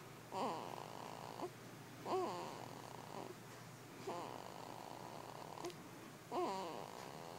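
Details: Baby snoring: soft rhythmic snoring at about 32 breaths a minute, each breath with a short, squeaky, tonal snore.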